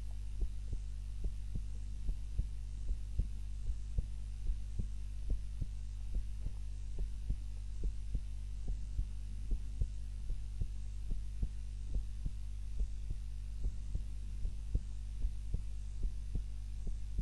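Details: Heart sounds recorded during a daytime nap with a timer, lying on the back (supine) rather than the usual prone position: steady low thuds about 72 beats a minute over a constant hum; normal resting heart sounds.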